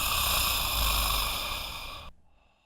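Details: Animation showing snoring with obstructive sleep apnoea and combined therapy using the Narval CC mandibular protrusion splint and CPAP: one loud, rattling snore of about two seconds that cuts off abruptly.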